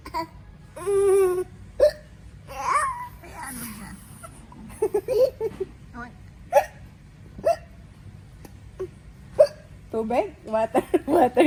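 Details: Baby with hiccups, laughing at his own hiccup: short, sharp, abrupt vocal catches between coos, babble and giggles.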